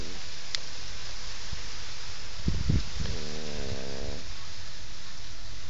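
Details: Sleeping French Bulldog snoring before getting a fright, possibly from a bad dream: a rough, low snorting breath, then a longer buzzing, fluttering sound on one breath; dog snoring.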